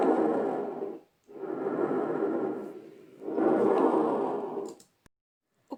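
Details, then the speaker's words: Normal bronchial breath sound heard over the sternum: loud, hollow breaths, less intense than tracheal sound, with inspiration and expiration of similar length and a brief pause between; teaching recording. "próximo são pulmonar normal que vamos aprender tão som brônquico esse som é ouvido na região do esterno igual está representado o nosso desenho e vermelho"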